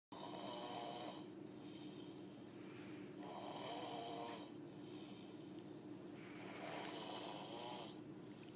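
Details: Sleeper "sawing logs": loud, hissing snores repeating about every three seconds, with a rough, fluttering quality on each breath; snoring during sleep.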